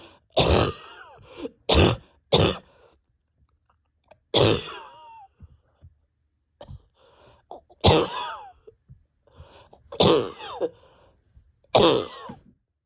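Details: About eight harsh coughs in short clusters, some with a rough strained throaty edge, from an adult at home with pain deep in the chest and stomach, awake over 32 hours and reporting the bronchodilator is not helping; painful persistent cough.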